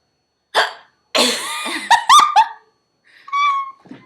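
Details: Person with hiccups, talking and laughing with a friend: several abrupt, voiced hiccup gulps in quick succession, with breathy sounds and a brief laugh-like noise around them: hiccups.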